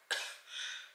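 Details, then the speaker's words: Woman still battling a cold feels phlegm building at the back of her throat. A single short, harsh throat-clearing burst is followed by a breathy, rasping rumble. "I feel the phlegm building up in the back of my throat."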